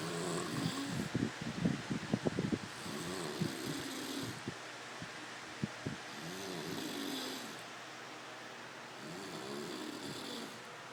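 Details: A sleeping man makes rhythmic rasping breath noises every few seconds, with some clicking sounds in the room: snoring.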